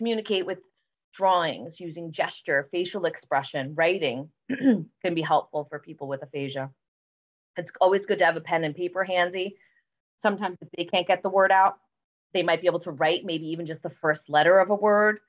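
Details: Adult woman speaking; normal speech.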